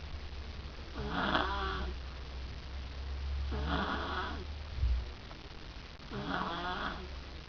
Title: random girl snoring